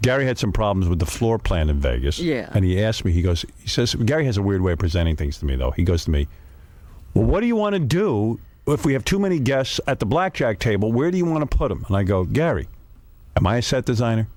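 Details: Adult man speaking; typical speech.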